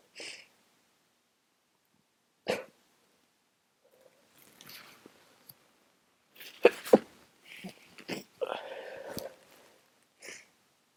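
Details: Several short, wet nasal sneezes and sniffs with quiet gaps from a very congested, tired person who is sick again; sneeze.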